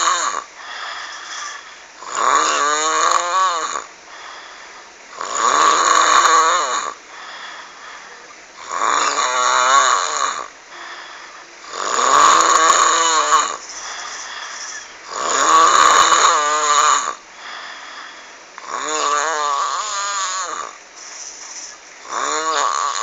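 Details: Very loud, rough snoring on each inward breath, about 18 breaths a minute, with quieter rattling on the outward breath; heavy snoring described as frightening "tyrex" snoring.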